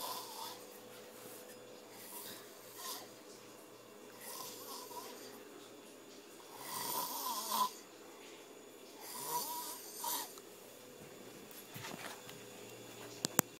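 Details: Loud snoring: repeated rough, rattling breaths rising and falling in a quiet room with a low steady hum, recorded as a prank on a sleeping man.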